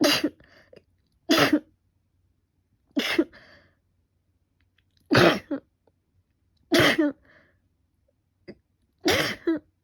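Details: Person with a cold and allergic rhinitis, runny and stuffy nose and fever for five days: six separate explosive sneezes, each with a sharp onset fading quickly, in a quiet room.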